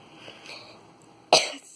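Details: Quiet breathy sounds, then one short, forceful cough burst during a casual home vlog: a single cough.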